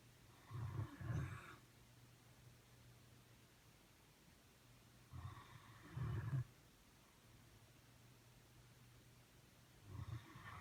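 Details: Pet in deep sleep, snoring and dreaming while lying on its owner's foot: low, rumbling snores in grouped bursts roughly every five seconds; ordinary sleep snoring.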